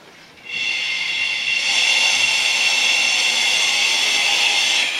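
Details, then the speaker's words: Vortran automatic resuscitator for MRI/CT, hooked to a flow meter: steady loud gas hiss with a faint rapid flutter, normal operation. "now I'm going to hook this up to the flow of gas first thing you want to do is hook it up to your flow meter turn your flow meter on to your desired amount now normal amount is between 15 and 25 L of flow"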